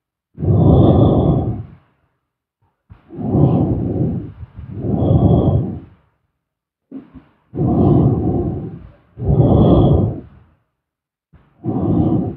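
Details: Loud, deep rattling snores, about 14 a minute, separated by silence, in a processed, echoey sleep-stream recording; snoring.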